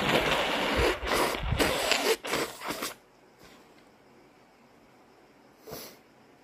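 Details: Very snotty morning: several harsh induced sneezes and snorts through a congested nose, then quiet with one brief sniff.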